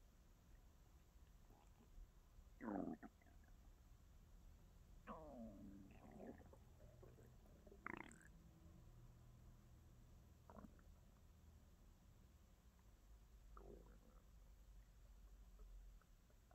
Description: Beautiful sounds of stomach noises. Tummy sounds, growls, gurgles, and grumbles.